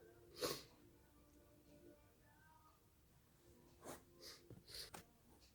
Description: just a quick induced sneezing fit into a tissue